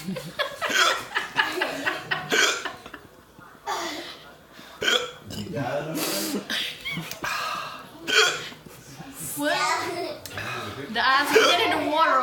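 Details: Person hiccuping after eating a very hot chip (one chip challenge): sharp, abrupt voiced catches recurring between speech and laughter; hiccups.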